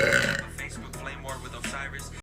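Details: Drawn-out, rumbling belch over background music; burping.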